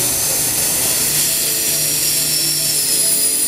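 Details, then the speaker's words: Steady high-pitched whine of a standard 20 W NSK PanaAir FX dental air turbine handpiece pressed while drilling, its sound dropping as speed falls under load; dental handpiece drilling under load. "kedengeran suaranya sudah menurun ini dipetakan pikir dia masih ngebor tapi suaranya sudah dan ini agak lama sih"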